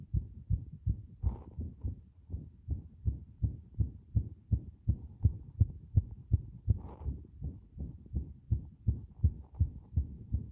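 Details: Rapid low heartbeats near 160 a minute with uneven spacing and brief gaps, described as a strong arrhythmia where the heart momentarily stops; irregular heartbeat with pauses.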